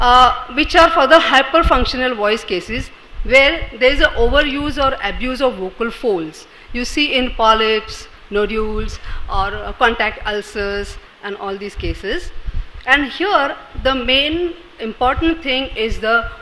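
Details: Adult speaker lecturing; normal speech.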